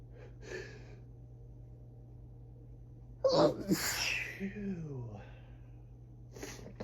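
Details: Early-morning (around 6am) allergic sneezing fit during high grass pollen season: a soft sneeze, then one forceful explosive sneeze and a brief whimpering breath, in a quiet room; rapid sneezes that grew stronger and wetter.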